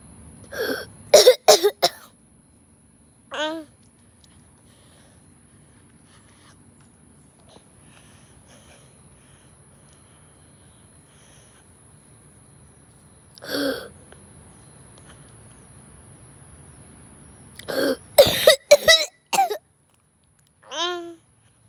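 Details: Coughing attack: two bursts of rapid, harsh coughs, each followed by a high-pitched drawn-in breath, with a long quiet gap between.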